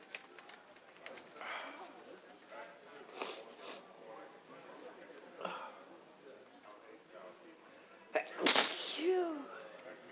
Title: Sneezing randomly